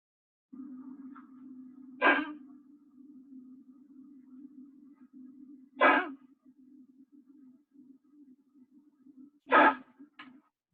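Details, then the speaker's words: A small dog with collapsing trachea gives three harsh, dry cough bursts, bringing nothing up; said to sound like kennel cough: non-productive cough (collapsing trachea). "what do you think well that would be an example of a non-productive cough harsh dry he's not coughing anything up come kennel cough would sound the same way"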